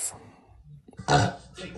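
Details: Woman burping during a live stream: brief speech, then a loud, deep, rumbling burp lasting about half a second, with room noise.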